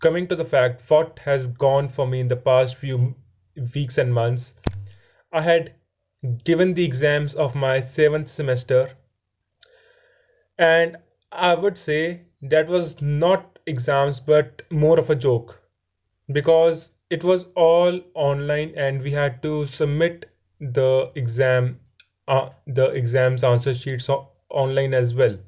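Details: Adult male who says he stammers and that his stammering is improving; repeated words heard; stuttering (stammering).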